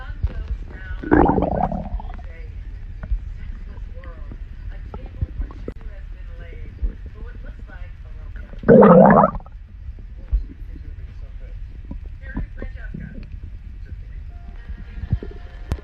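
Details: Girl's stomach growling: two short, loud gurgling rumbles from the belly stand out over a quiet background, typical of ordinary borborygmi.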